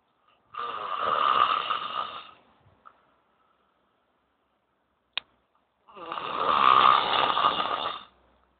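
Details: Loud snoring: two long rattling snores on inhalation, separated by a quiet pause.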